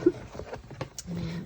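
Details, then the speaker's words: Dog (Zeus) snoring loudly in the background: a low, buzzing rumble on one breath, with faint room clicks and handling noise. "I don't know if you can hear my dog snoring but he's snoring so loud"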